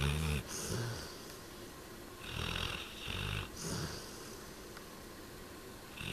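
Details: Black Labrador dog snoring while asleep; low, rumbling snores with each breath, separated by quiet pauses. Ordinary dog snoring.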